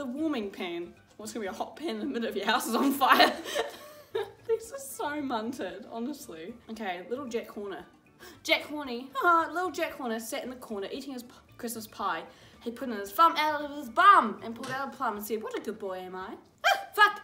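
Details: Teenager with Tourette syndrome reading a nursery rhyme aloud: involuntary vocal tics altering words of the rhyme.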